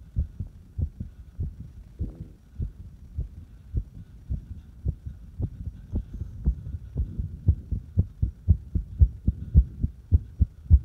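Rapid low thumps, about 105 a minute, with uneven spacing between beats; a fast, irregular heartbeat.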